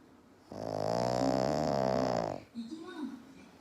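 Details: Black pug asleep on owner's lap, big snoring: one long, loud, rumbling snore lasting about two seconds, followed by quiet breathing.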